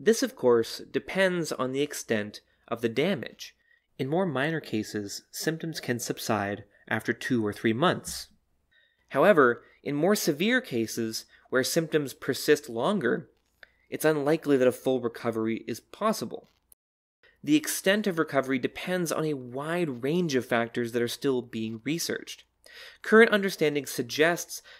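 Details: Adult narrator; normal speech.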